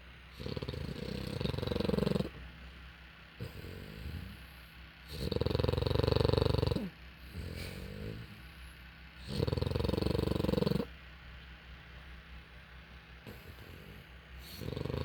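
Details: Puppy asleep for a nap after playing all morning: loud, rumbling snores about every four seconds with quieter breaths between, loud enough to drown out the television.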